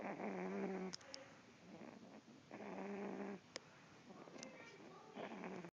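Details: Sleeping dog snoring: soft, slightly whistling snores, about three breaths over six seconds, with a few faint clicks; harmless sleep snoring.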